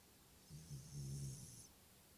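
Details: 5-year-old Shiba Inu dog sleeping belly-up, snoring: a single low, rumbling snore heard faintly against quiet room noise.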